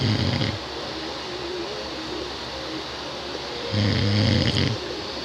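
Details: Son snoring, described as too loud: two loud, rumbling, low snores about three seconds apart, with a quieter breath between them.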